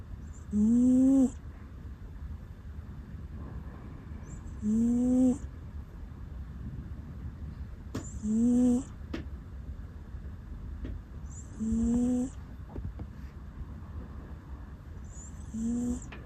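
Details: Sleeping rescue cat on a bed with an electric blanket, which always snores while asleep: a short squeaky 'puu' snore every few seconds, about 16 a minute, a normal harmless sleep sound.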